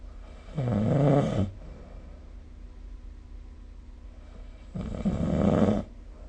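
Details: Snoring sleep sound recorded with a snore-recording phone app.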